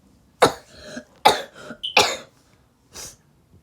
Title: I’m going to make my viewers a wallpaper / and I’m sorry I was coughing I was sick😓